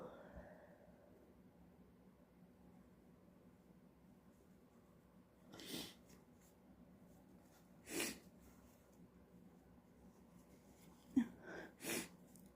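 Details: Repeated sneezing: several short, sharp, hissing bursts in a quiet room, about four in quick succession near the end.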